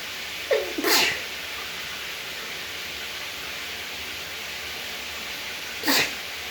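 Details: Allergy sneezing in a female before a shower: two sneezes, each a brief rising intake then an explosive burst, over steady running-water noise.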